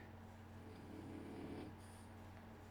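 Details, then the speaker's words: Sleeping dog snoring: a soft, low rumbling breath swells and fades once against steady room hum. "And the dog is sleeping fantastic. Can you guys tell? Can you hear the dog snoring?"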